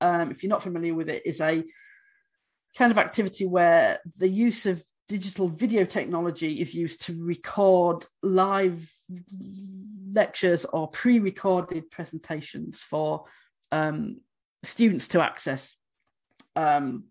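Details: Adult woman who states she stammers, speaking during a conference presentation; stammering (stuttering).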